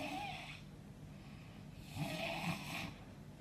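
Two soft, breathy snoring breaths over low room noise; mild snoring.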